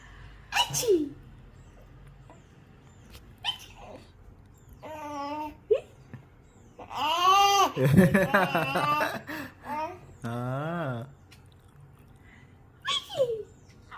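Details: A 4-month-old baby's small sneezes followed by giggles and happy vocal sounds; ordinary infant sneezing without distress.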